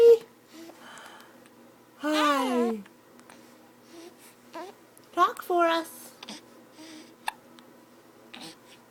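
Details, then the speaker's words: Happy, babbling baby boy in the morning with hiccups: several brief, abrupt little vocal catches in a quiet room. "that's a happy baby he's trying to get hiccups say hi yeah do you know you have hiccups"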